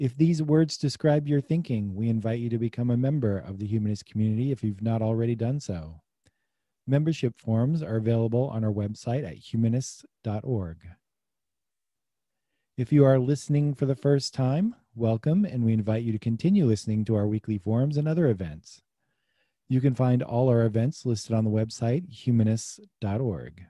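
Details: Adult male speaker; normal fluent speech.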